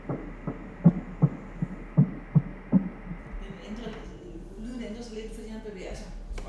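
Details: 13-week single pregnancy, male fetus weighing about 100 g, on ultrasound scan; rapid rhythmic whooshing thumps about 155 a minute, fading into shifting noise as the baby moves; normal fetal heartbeat on Doppler ultrasound.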